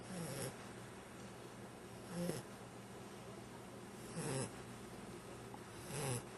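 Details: 9-week-old animal (Jager-Bear) that has just learned to snore: soft, rumbling snores while asleep, about 30 a minute, over a steady background hiss; snoring.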